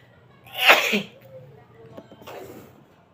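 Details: Deliberately induced sneeze: a single sharp forceful sneeze followed by a quieter exhale; sneezing.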